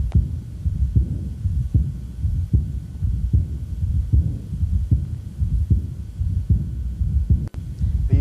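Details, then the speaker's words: Regular heartbeat about 76 a minute with a soft, high-frequency blowing early diastolic decrescendo murmur starting at S2, loudest at the sternal border, with an accompanying mid-systolic flow murmur; aortic regurgitation murmur. "so it's a high frequency murmur that begins with a second heart sound and decays so it's early diastolic decrescendo"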